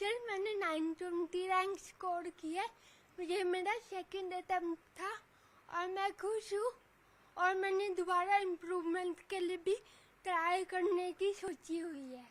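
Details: 26-year-old woman with cerebral palsy since birth, attributed to lack of oxygen at delivery, who cannot walk or speak properly; dysarthria due to cerebral palsy.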